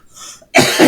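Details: A faint rustle gives way to one loud, harsh cough burst from an adult man, a single cough.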